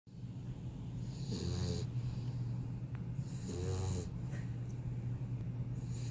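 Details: 4-month-old pit bull puppy snoring: low, fluttering snorts on each breath in, about every two seconds, over a steady hum.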